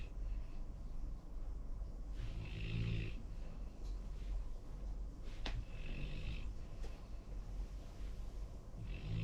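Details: Labrador–golden retriever mix dog snoring: soft, low snores in a slow repeating rhythm, about three in nine seconds, over steady room noise.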